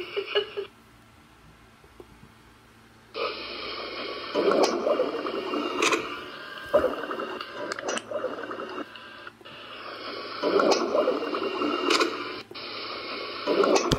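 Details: Yellow Labrador dog with gas: stomach growling heard as irregular bursts of gurgling, rumbling bowel sounds over a steady background hiss.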